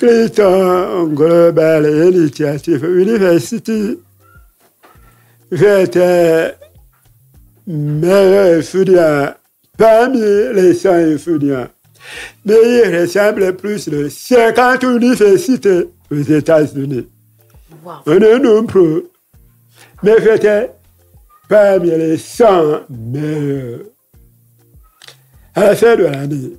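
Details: Deaf man who lip-reads, deaf since a childhood illness, who says his voice has not sounded normal since a childhood throat operation; speaking French; deaf speech with altered voice.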